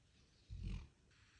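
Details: Sleeping Labrador dog snoring in an odd sleeping position: a single low, rumbling snore over quiet room noise.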